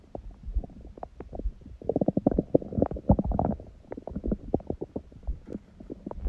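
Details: Own stomach sounds after a raw-food meal and ab workout; fasted with only water from 19:00 the previous day, first meal at 16:00 eaten in a binge; busy continuous gurgling and bubbling with clicks and pops: active normal bowel sounds.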